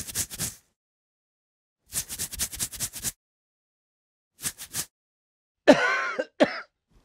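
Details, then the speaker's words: Real open-mouth cough from an adult during a viral illness (not COVID), recorded for a sound-effects library: several bursts of harsh coughing with a slightly wheezy, breathy edge, ending in a rougher throaty cough. "I got really sick with a virus not covid and I had that like kind of Wheezy thing and I have this was a real cough"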